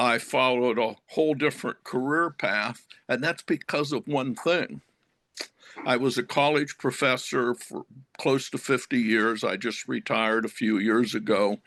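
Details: Stuttering in an adult man who stutters.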